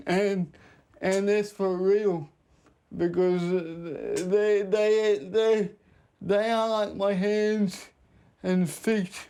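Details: 32-year-old man with cerebral palsy present since birth, dependent on 24-hour care; slurred speech that worsens when he is tired; dysarthria (cerebral palsy).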